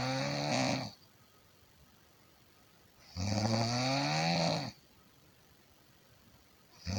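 Loud, rattling inhaled snores with a buzzing, fluttering quality, separated by quiet exhalations.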